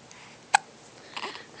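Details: Five-week-old baby with hiccups: a single sharp, abrupt hiccup followed by a soft small vocal sound.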